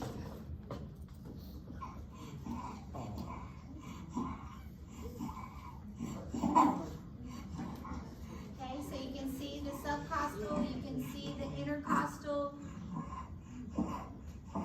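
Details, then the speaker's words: Infant, possibly with bronchiolitis or RSV, with noisy, labored breathing: coarse rattling rhonchi from moving mucus plus a faint fine wheeze. "You can hear a wheeze on that baby, but you can also hear some rhonchi too. So you hear that like where the mucus is moving around, that's kind of that rhonchi sound, okay?"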